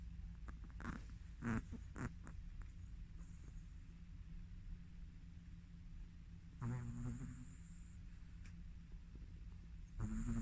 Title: This Chihuahua is in deep sleep and snores over and over (original sound)